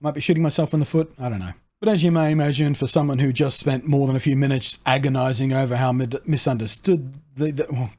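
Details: Adult autistic man with an atypical stammer: he cannot start the next word rather than being unable to finish one, and it worsens with frustration or anxiety; he notes it occurring at this point; stammer (difficulty starting the next word).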